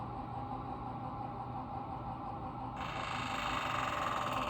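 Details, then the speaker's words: Steady low mechanical hum, growing slightly louder, of a motorized hospital bed being lowered after a student nurse's NG tube insertion and raising of the side rail. "all right under the beds lowered the sidereal shut up the patient doesn't need anything"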